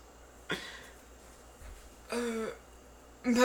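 Short rough throat-clearing bursts in a quiet room, with a brief voiced sound.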